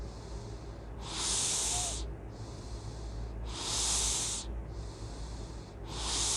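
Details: Noisy breathing while asleep: loud, hissing, snorting breaths at about 26 a minute, with rough inhalations over a steady background hum; snoring and loud breathing.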